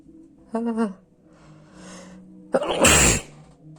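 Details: A brief voiced intake, a pause, then one loud explosive sneeze.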